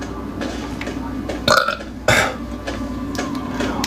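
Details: Two loud, rough belches over steady room noise, from a burp compilation. Ordinary burping.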